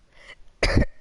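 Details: Girl coughing repeatedly while playing a video game: a single short harsh cough burst after a faint throat sound, in a quiet room.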